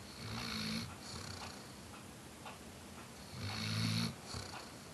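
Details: Weimaraner dog snoring during a Sunday nap: two low, rumbling snores with a breathy hiss, a harmless nap-time snore.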